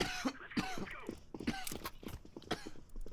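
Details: Repeated coughing from a person during a gaming session, who says they can't stop coughing.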